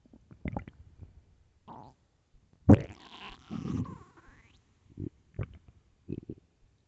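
Gurgling, squelching rumbles and short pops from the belly; ordinary hunger-related stomach growling.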